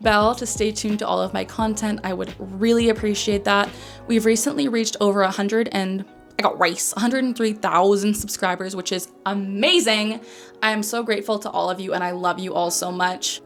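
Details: Vocal tic, transcribed as "I got rice", interrupting the speech of a 27-year-old woman with Tourette syndrome diagnosed at age 12.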